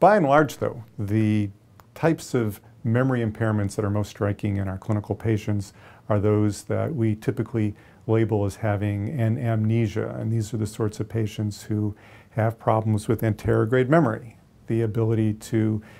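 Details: Adult male lecturer; normal speech.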